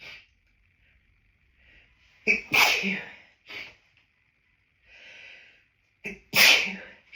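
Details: Two forceful sneezes, each preceded by a quick inhaled catch, with sniffing between; a helpless hay fever sneezing fit after stifling sneezes outdoors, recorded hiding in a toilet cubicle, with the nose feeling full of pollen.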